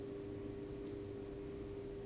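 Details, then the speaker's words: Simulated tinnitus: a steady high-pitched whistle with a faint lower hum, representing how cicada song sounds to tinnitus patients at an institute in Marseille; this unpleasant whistling is called tinnitus. "sifflement désagréable appelé aussi acouphène. 8 millions de Français doivent vivre avec."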